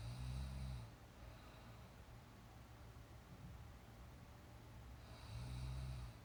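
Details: Sleeping girl (per title), real recorded snoring: two loud, low rattling snores about five seconds apart, with quiet breathing and faint room hiss between.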